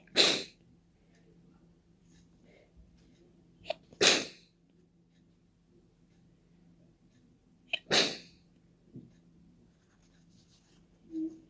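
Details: Deliberate open sneezing without a tissue, trying not to blow nose: three sharp, explosive open sneezes, each preceded by a quick intake of breath, with quiet breathing between; sneezing.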